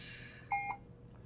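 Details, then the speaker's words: Puritan Bennett 560 ventilator keypad beeps while adjusting PEEP in a volume-based mode: two short high electronic beeps as settings are entered via check mark and accept keys. "The PEEP, same thing. Hit the check mark to go in to change the PEEP, and adjust to whatever parameter you'd like."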